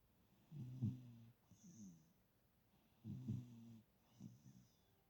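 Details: Cavapoo dog snoring on a shared pillow: soft, buzzing snores, each breath in fluttery and followed by a lighter breath out, about 24 breaths a minute.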